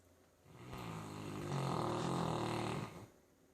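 One long, rough, rumbling snore lasting about two and a half seconds, with a fluttering buzz through it. Snoring.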